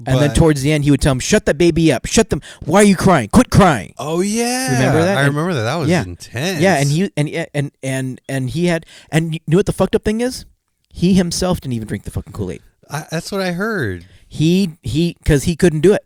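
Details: Stuttering in an adult male podcast co-host whose stutter comes out more in awkward situations, sometimes even when confident; unscripted conversation.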